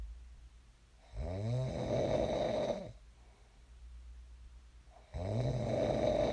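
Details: Sleep snoring recorded for ASMR: two long, loud, rattling inspiratory snores with a quiet pause between them; ordinary snoring in a sleeper who later woke up.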